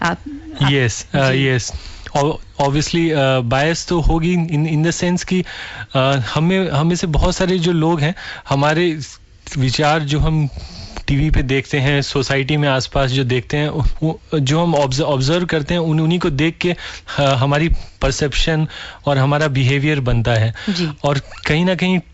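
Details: Stuttering in a man who stammers, with sound and word repetitions.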